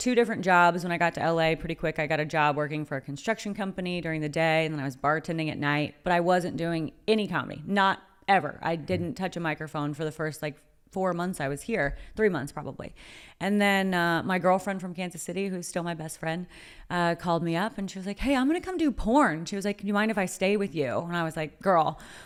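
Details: Adult woman speaking; typical speech.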